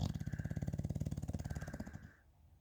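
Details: Rapid low fluttering rattle on one long breath, fading after two seconds; snoring in a sleeping bulldog, soft-palate vibration.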